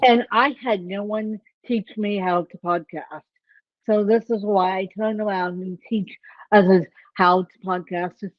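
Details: Adult woman with self-reported ataxic cerebral palsy; the speech impairment type is not named; dysarthria (ataxic cerebral palsy).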